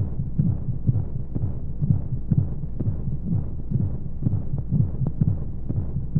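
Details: Womb sound played as a baby sleep aid: steady low muffled heartbeat thumps, about 125 a minute, under a soft constant white-noise hiss; heartbeat.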